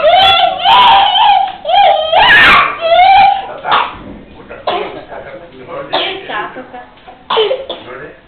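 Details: A young girl sings a few high notes, then gives several short, sharp coughs between quieter sung or spoken sounds; her throat is strained from screaming. Finding: cough.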